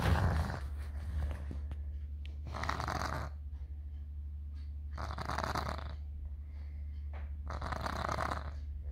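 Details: Toddler with a cold snoring while asleep: regular raspy snores on each breath, about every two and a half seconds, over a low steady hum.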